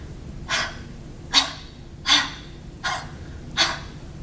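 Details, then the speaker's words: Five forceful open-mouthed exhalations without a true cough: huffing (forced expiration technique) demonstrated in a physical therapy class to move secretions from peripheral to central airways. "patient I want you to start out by expiring as much area as you can but we're not going to cough so it's going to look something kind of like this can do that for me"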